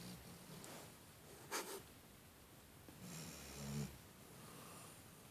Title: Dog Junior black lab snoring loud